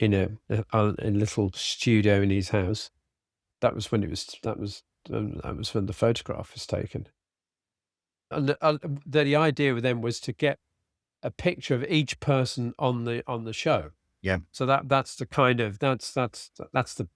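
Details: Adult man with aphasia after a sudden stroke, treated with speech therapy and his wife's flashcard practice; he still has word-finding difficulty, cannot read a script and tires as the day goes on. Finding: aphasia.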